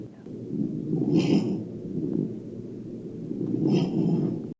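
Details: Sleeping dog snoring: two slow, rough, rattling breaths with a snorting buzz, about 25 a minute.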